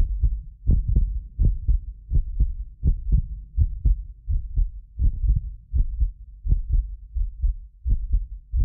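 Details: Heartbeat of a self-described medically fit person, recorded with several precision contact microphones for ASMR: regular low thudding at about 83 a minute; occasional doubled click from a ~6 ms delay between microphones; normal heart sounds.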